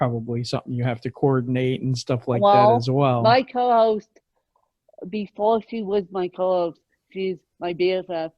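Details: Adult speaker; typical speech.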